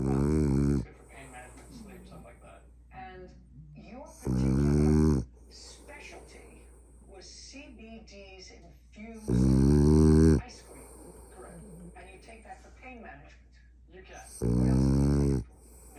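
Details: Merle French bulldog puppy snoring: loud, rough snores about every five seconds, roughly 12 a minute, with quiet breathing between.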